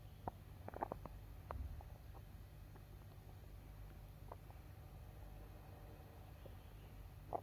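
Scattered gurgles and clicks over a low steady hum, typical bowel sounds after eating.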